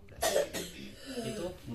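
A single short, harsh cough followed by a brief throat-clearing sound in a quiet room.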